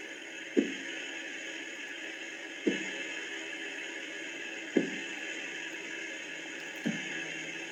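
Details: Korotkoff sounds heard by stethoscope during auscultatory blood pressure measurement: four sharp, regular taps about two seconds apart over a steady hiss, the last one softer.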